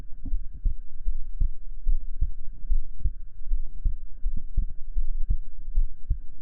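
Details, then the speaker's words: Low, regular heartbeat at a brisk rate heard through a stethoscope, with a faint steady hum behind it; a role-played ASMR character invites the listener to listen to her heartbeat; normal heartbeat. "And not listening to the sound of your heartbeat or someone else's can calm you. So, how about you listen to mine?"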